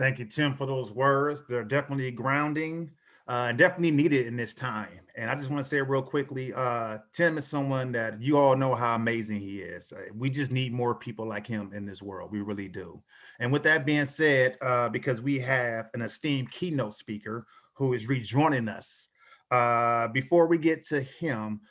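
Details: Adult male speaker; normal speech.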